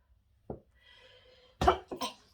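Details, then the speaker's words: An adult woman announces she is about to sneeze while talking, then takes a brief voiced in-breath, gives one sharp sneeze and a smaller second burst: a sneeze. "Je vais éternuer, excusez-moi."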